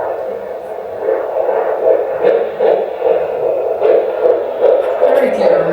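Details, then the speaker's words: Fetal heartbeat on Doppler during a midwife appointment in the Netherlands, with rapid, regular whooshing pulses at about 150 a minute and some static; baby and heartbeat reported good; normal fetal heartbeat. "We just finished midwi session the baby is good. Heartbeat is good."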